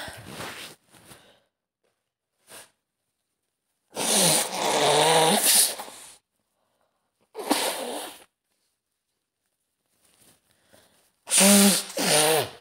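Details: Acted sound scenario of a girl with a very bad cold on a train, sneezing repeatedly behind the listener: several forceful sneezes, some in quick pairs, with sniffs and short breaths; sneezing.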